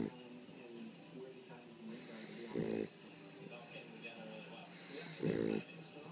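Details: Two rattling snores with airy breaths between, about 22 breaths a minute, over faint background sound: snoring.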